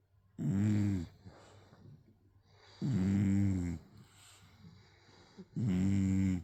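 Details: A sleeping English bulldog snores heavily with loud, deep rattling snores lasting about a second each, three in six seconds, with softer breathing between.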